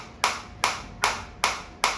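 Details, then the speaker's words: Biotronix focused shockwave applicator with intensity raised toward maximum, frequency automatically reduced from 180 to 150 to deliver maximum focused energy: sharp evenly spaced snapping pulses, about two and a half per second. "क्योंकि वो जिस intensity पे आप energy deliver कर रहे हो frequency उसको अपने हिसाब से एडजस्ट करके आपको मैक्सिमम फोकस एनर्जी जो है वो डिलीवर करेगी।"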